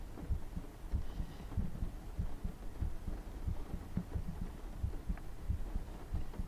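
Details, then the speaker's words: Adult's own heartbeat, recorded by mic during an ASMR session while she says she feels nervous: quick, steady low thumps at about 95 beats a minute, a fast heartbeat. "Yeah, that's my heartbeat. I don't know why it's going so fast. Okay, maybe I'm like really nervous to like let you hear my heartbeat."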